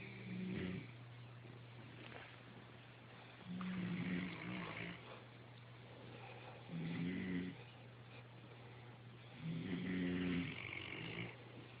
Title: Genetic links to snoring.